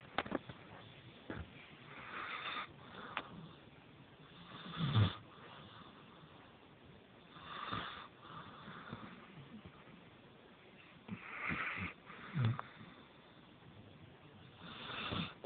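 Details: Soft, irregular snoring ("baset") with low rumbling breaths and snuffles, about 8 a minute, over quiet room noise.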